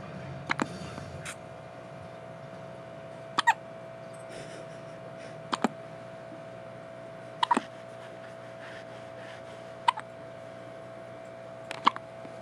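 Six sharp, regular hiccups about every two seconds over a steady background hum: infant hiccups.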